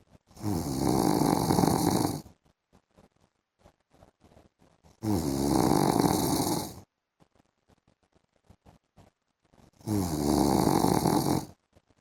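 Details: Adult man (the poster's husband) snoring during an afternoon sleep: three loud, rough, vibrating snores, each about two seconds long, about 15 breaths a minute, with quiet between, music in the background.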